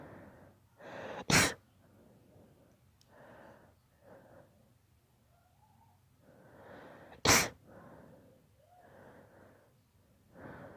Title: My daughter's rapid allergy sneeze fit